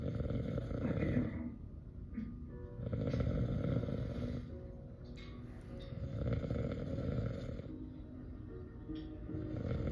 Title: I think it’s a bear #snoring #cantsleep #vacation #vacationmode #funnynotfunny